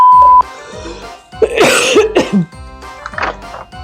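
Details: Adult realtor during cold and flu season has a short fit of three or four harsh, explosive coughs in quick succession over steady background music, after a brief beep.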